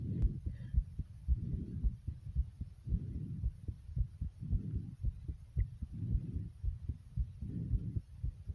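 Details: Produced sound effect: heavy, fast pounding heartbeat about 113 beats per minute under slow swelling breath sounds.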